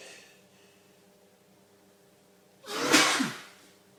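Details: Man in a long, violent sneezing fit from a very sensitive nose, with his eyes watering and nose streaming: quiet room, then one sudden explosive sneeze with a sharp breath burst.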